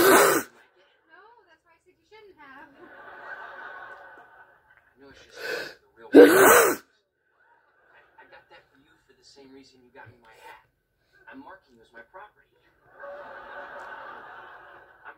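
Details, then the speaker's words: Person deliberately inducing a sneezing fit: three loud, sharp sneeze bursts, with quiet voiced sounds and breaths between them; says they usually sneeze 18 or more times. "because i wanted 18 out of there but there'll be more i sneeze way more than 18 times or 19 times"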